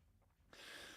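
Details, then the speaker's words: After a quiet moment, an adult gives a sudden harsh, noisy cough; speaker apologizes for repeated coughing and says their throat feels bad. "Sorry, guys. Sorry about all the coughing, by the way. My throat is just, whoo, that sounds gross."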